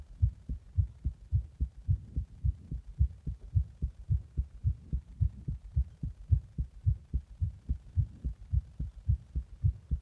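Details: Fast heartbeat after drinking a Monster energy drink in the bath and then compression: regular, strong, paired thumps at about 110 beats a minute.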